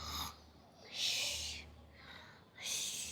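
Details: A child imitating snoring, not true sleep snoring: two drawn-out hissing, snorting breaths a few seconds apart.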